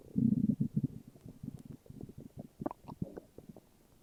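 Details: Morning stomach growling: low gurgling rumbles and bubbling pops from the belly as gas and fluid move through the gut; borborygmi.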